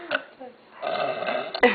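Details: Girl burping on request, showing boys how to burp: a brief, throaty rumbling burst of air from the throat.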